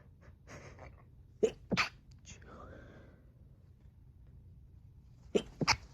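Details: Stifled sneezes held back while home alone, spaced over a few hours and recorded in several different rooms, then joined together into one clip.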